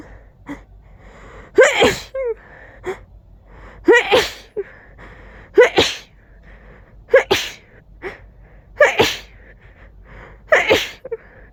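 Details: Five forceful sneezes in a row, each with a quick indrawn breath before the explosive burst; powerful, intense sneezing fit.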